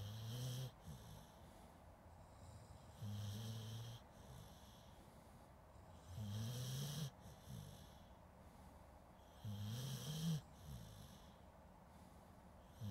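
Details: Slow, rhythmic, rumbling snores with whistling notes, about 18 breaths a minute, recorded with a Zoom H2N; ordinary snoring during sleep.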